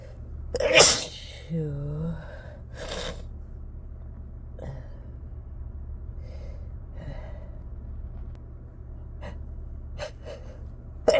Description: Inducing again, this time in my car. It felt good to really let these out as loud as they wanted to be